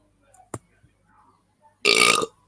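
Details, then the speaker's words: A single short, loud, buzzy burp in a quiet room; a belch. "guys i burped i burped i hope you guys didn't hear that"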